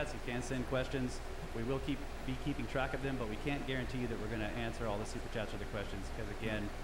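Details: Adult male speaker; normal voice.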